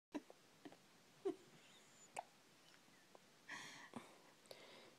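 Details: Sleeping animal: brief, sharp, hiccup-like snaps at irregular intervals in a quiet room, with a soft snuffle near the end; hiccups.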